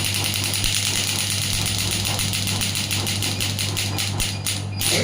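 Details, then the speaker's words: Pneumatic (air-compression) touchscreen shockwave therapy device demo, frequency lowered toward the 1 Hz minimum: steady device hum with faint regular clicks of the applicator firing, about one pulse a second. "You can see the shot is getting count it, and once the selected shot will be over, the device will stop. This is the maximum frequency."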